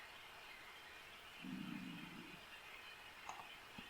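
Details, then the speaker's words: An adult's stomach rumbling (borborygmi), which the adult notices while playing a card game: a low, gurgling rumble of about one second above a steady background hiss. "sais pas si vous entendez mon ventre qui gargouille, mais..."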